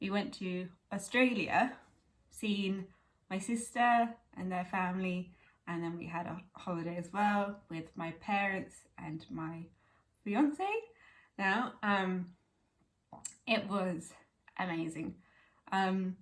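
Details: Young woman with chronic aphasia from a stroke at age 18, now 11 years post-stroke, speaking conversationally; aphasia.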